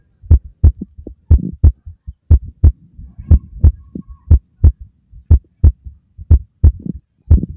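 Steady lub-dub heartbeat through a stethoscope, about 60 beats a minute, with a regular rhythm.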